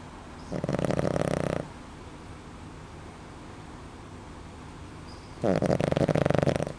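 Two rattling, buzzing snores on inhalation about four to five seconds apart, over steady room hiss.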